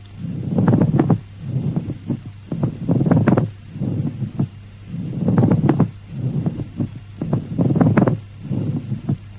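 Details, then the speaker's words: Pleural friction rub: rough, creaking, grating bursts with each breath, in and out, about 26 a minute, from inflamed, roughened pleural surfaces rubbing together. "the two inflamed and roughened surfaces of the pleura rub against each other and produce a creaking, grating sound termed as pleural rub or friction"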